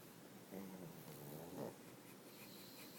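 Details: Pug snoring: soft, rattling snorts on the breath in a quiet room while sleeping.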